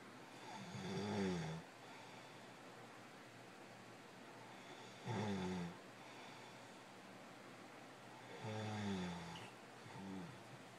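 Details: Husband's loud snoring during sleep, audio only: four rumbling inspiratory snores in about eleven seconds with quiet pauses between; snoring.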